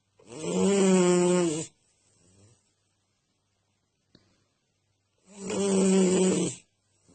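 Two loud, rattling snores on inhaling, about five seconds apart, with a quiet gap between them.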